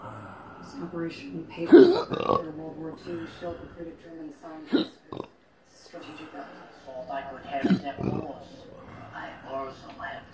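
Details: Patient with intractable hiccups ongoing since December 2015, episode recorded October 27, 2019: several low, gurgling voiced belches break up quiet speech in a small room; repeated burping.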